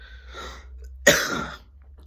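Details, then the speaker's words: Adult with a very bad cough and sore throat for six days, feeling unable to breathe: a single sharp, harsh cough burst after a faint breathy sound. "it feels like imagine I can't breathe like get a cough out of it so I just get a cough"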